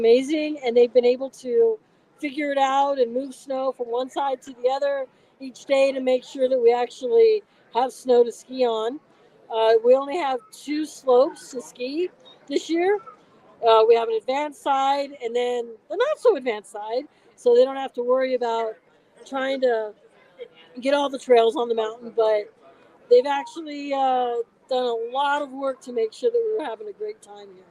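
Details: Adult woman; plain speech.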